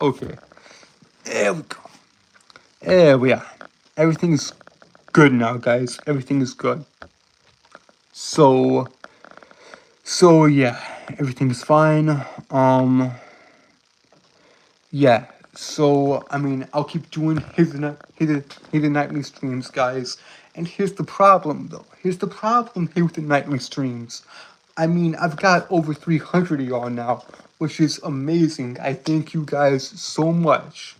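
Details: Self-reported speech impediment he says he cannot help, in a streamer; speech impediment (stutter-like disfluency).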